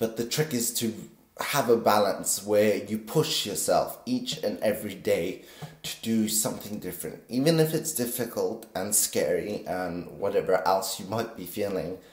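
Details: Vocal tremor from essential tremor in an adult man, always very pronounced in his voice, still audible despite deep brain stimulation surgery at age 24, which stabilizes but does not cure it.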